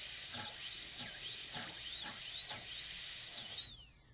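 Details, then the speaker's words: A high-speed dental drill with a 1.2 mm bur, leaned toward the tooth axis, cuts 1 mm above the gingiva on a maxillary typodont tooth for a PFM crown prep; it whines in short bursts, dipping with each cut, then winds down. "Lean the burr toward the axis. And we'll cut in again, and I'm still keeping the end of the burr 1 millimeter above the gingiva."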